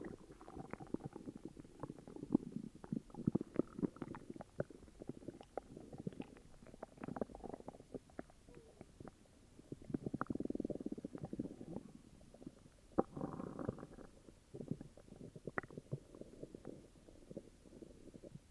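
Quiet, continuous gurgling and bubbling with rumbling runs and clicks; stomach growling from an upset stomach.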